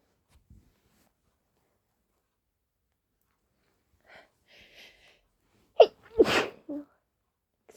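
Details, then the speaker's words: Powerful sneezing fit with a tickling nose and sniffles, which the person says is unusual for them: a soft breathy build-up with catching breaths, then a short burst and one loud, forceful sneeze. "So, I've been sneezing. Uh, I just had a big fit, but I couldn't find my phone."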